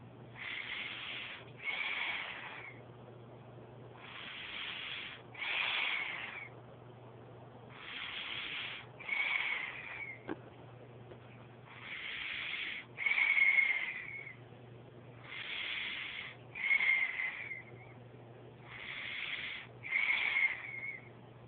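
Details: Sleeping child breathing noisily and hissily, with a thin musical whistle on each out-breath, about 17 breaths a minute: wheezing during sleep.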